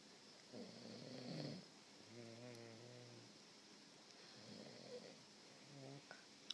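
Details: Several rough, buzzing snoring sounds on breaths, a few seconds apart, in a quiet room; snoring.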